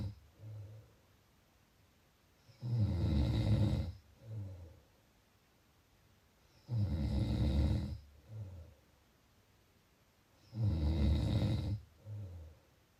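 Loud rattling snores on each breath in, with softer breaths out, about 15 breaths a minute; ordinary snoring.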